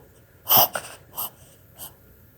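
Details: A dog's reverse sneeze: a few sharp, harsh snorting pulls of air through the nose; the vet judged it harmless, possibly from environmental allergy or excitement.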